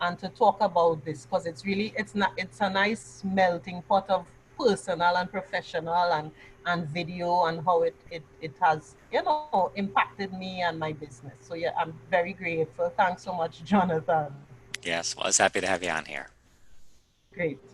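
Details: Adult woman who has stammered since childhood and has largely gained control of it through years of acting and public speaking practice; she says any remaining stammer is now mostly habitual rather than anxiety-driven; stuttering (stammering).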